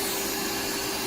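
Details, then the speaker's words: Steady buzzing whir of an electric grinder smoothing big, thick, uneven calluses on a man's foot during podiatry callus removal; the patient finds the vibration uncomfortable, so the speed is lowered. "get the handle on these calluses okay so we're just gonna grind all this down now let's start from this side"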